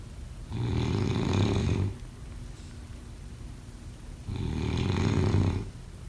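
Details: Two loud, low, vibrating snores on in-breaths about four seconds apart, with quiet breathing between them: snoring.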